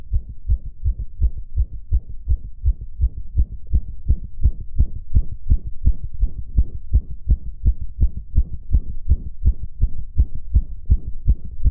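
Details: Adult male: steady, rapid low thumping heartbeat over a slight room hum; fast heartbeat, sinus tachycardia.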